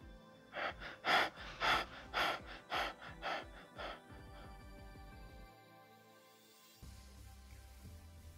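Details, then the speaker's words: Imitated, not a real patient: cluster of rapid, deep breaths (hyperventilation) stopping abruptly into apnea, demonstrating Biot's breathing pattern. "so bjord's breathing pattern is described as hyperventilation preceded and followed by a period of apnea and it goes something like this"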